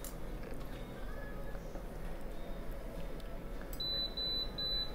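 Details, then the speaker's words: Apex locator during root canal treatment: a run of three short high-pitched electronic beeps as a size 10 file reaches the canal's working length, with a reading of zero. "can already hear it beeping so we had zero zero that's where we want to be but we want to go past"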